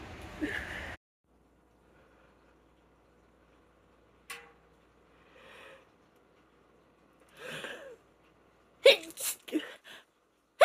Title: Stuffy cold sneezes #female #sneeze #cold